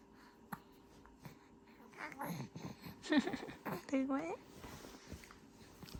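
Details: Hiccups in a baby boy: brief, sharp hiccup clicks at irregular intervals between fussy grumbling baby sounds, while his mother talks to him.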